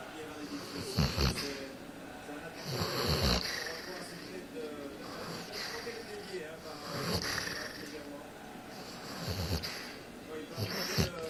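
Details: Female Basset Hound snoring loudly while asleep: loud, rough snores with each breath, about 29 a minute, uneven in strength.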